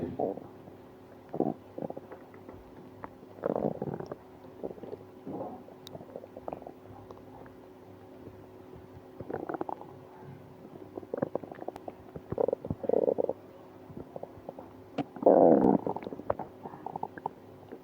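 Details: Borborygmi with stomach pain after eating ice cream: irregular gurgling and rumbling bowel sounds in bursts separated by short quiet stretches.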